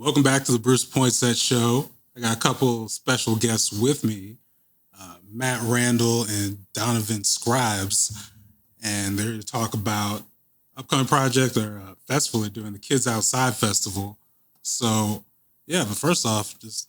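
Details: Adult male speaker; Normal speech.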